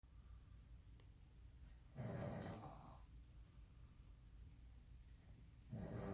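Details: Dad and son snoring in a quiet room: rough, rumbling snores on the in-breath with breathy exhalation between.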